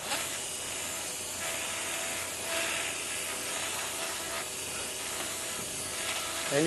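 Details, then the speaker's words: Continuous hissing, grinding arthroscopic bur on bone, in water with suction, shaving the hard, sclerotic coracoid in a 66-year-old man's shoulder during arthroscopy for rotator cuff and biceps tears. "this is a motorized instrument we're going to shave down this is water the medium is water we have suction and this coral plate is quite hard and sclerotic which is why i got that subscap in trouble but you can see now we're shaving it down it's going quite excellent smoothing of the coracoid"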